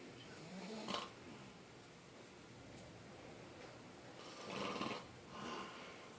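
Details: Soft, rasping snores, two or three in six seconds, over steady room noise, audible upstairs through a shut door: light snoring.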